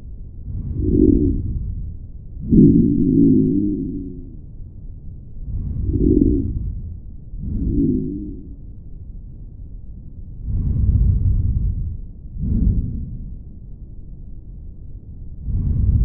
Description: In diesem Video hörst du zunächst apikal physiologische Atemgeräusche und im Vergleich dazu links basal ein brummendes Atemnebengeräusch. Dieses tritt bei Obstruktion der intrathorakalen Atemwege auf, etwa bei COPD oder Asthma bronchiale.